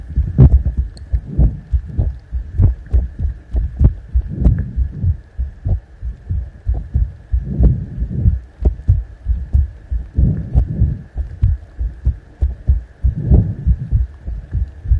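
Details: ASMR heart sound: steady low thumping heartbeat, roughly 95–100 beats a minute, with a faint steady hum in the background.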